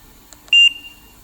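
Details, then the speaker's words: A couple of faint clicks, then one short, high, steady electronic beep as a Trilogy 100 ventilator used for BiPAP/CPAP is switched off with its power button; a normal device power-off tone. "to turn it off is your button"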